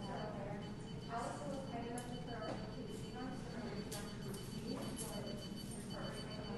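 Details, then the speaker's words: Spur-thighed tortoise under anesthesia at an annual zoo check-up, Doppler used to monitor heart rate and depth of anesthesia: whooshing Doppler blood flow sound. "You can see the team's just using that Doppler again to keep an eye on his heart rate."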